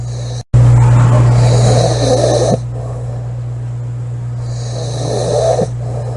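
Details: Woman snoring loudly in sleep, recorded July 23, 2017: loud rasping snores with hissy breaths over a steady low hum of room noise; heavy snoring.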